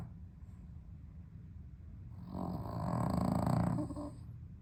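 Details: Dog snoring during sleep on a very hot 32°C day without air conditioning: low rumbling snore rising to a louder fluttering snort, then easing; dog has sleep apnea, improved on heart medication.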